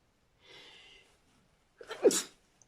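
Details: Sneezing compilation clip: a soft in-drawn breath followed by a single loud, explosive sneeze.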